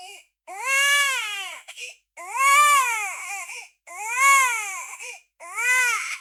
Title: Newborn Baby Crying Sound Effect